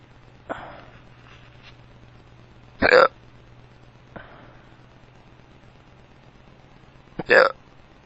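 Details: Drunk man with powerful hiccups that hurt his tummy: sharp, forceful hiccups every few seconds, some loud and voiced, over quiet room noise; he says his hiccups sound weird.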